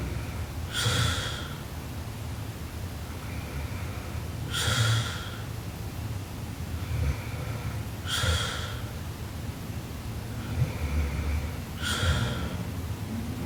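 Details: Sleeping Japanese girl snoring very loudly: snorting snores about 16 a minute over steady room hiss.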